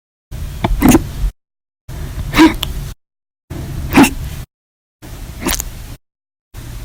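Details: Persistent violent, loud hiccups lasting hours after eating meals and drinking soda: abrupt forceful hiccups about one every 1.5 seconds, each a sharp catch with silent gaps.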